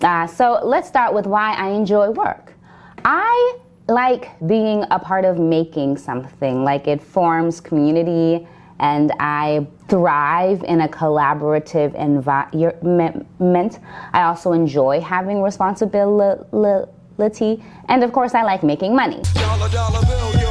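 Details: Adult woman speaking; stuttering.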